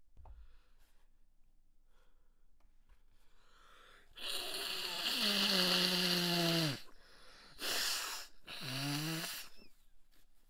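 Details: Person trying to stifle sneezes against a strong tickle: quiet stifled attempts, then three loud voiced sneezes in quick succession; a stifled fit turning into a rapid sneezing fit.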